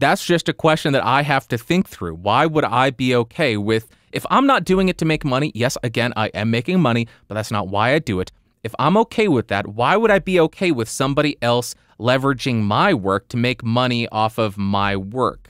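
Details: Adult male speaker; typical speech.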